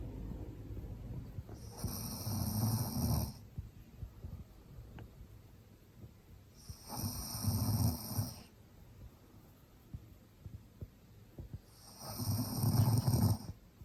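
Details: Maltese dog snoring with its eyes open: low rumbling snores recurring with each breath, about five a minute, with quiet pauses between them.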